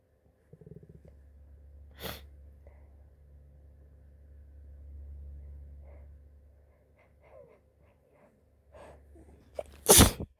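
One sharp sneeze, a quiet stretch with breathing and soft sounds, then a second louder sneeze; sneezing in a person with flu.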